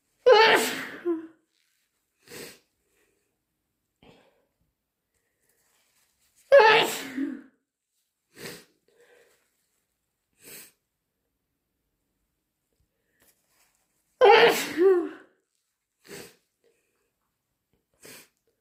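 Three loud, forceful sneezes, each followed by shorter sniffs or blows, separated by quiet pauses.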